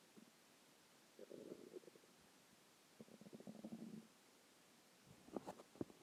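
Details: Soft gurgling rumbles in a few bursts separated by quiet; ordinary stomach growling (borborygmi).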